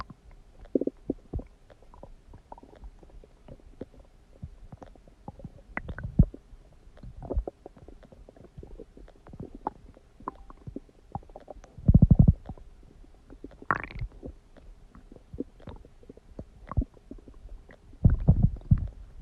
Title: stomach growling noises | My Stomach Makes Noises